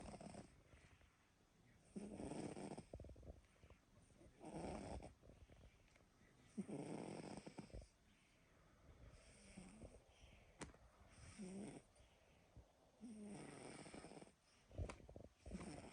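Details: Snoring during sleep: soft, rumbling snores at about 15 per minute, each followed by a quieter breath out, in a quiet room.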